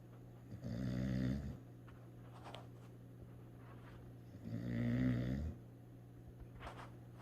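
Two low, rumbling, vibrating snores about four seconds apart over a quiet room hum; ordinary dog snoring during sleep.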